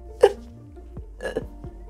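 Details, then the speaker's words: Simulated hiccups acted out in a Korean vocabulary lesson: two brief, sharp hiccup-like catches a second apart over a quiet background tone. "딸꾹질 딸꾹질을 해요 딸국질을"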